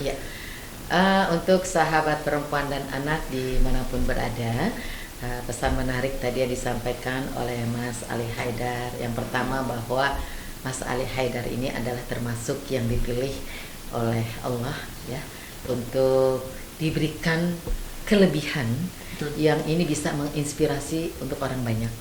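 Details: Adult speaker; normal speech.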